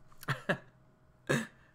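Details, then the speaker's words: An adult gives three quick, sneeze-like cough bursts, two close together and one after a pause. "a little little sneezy cough there you don't want to hear that do you asmr times 10."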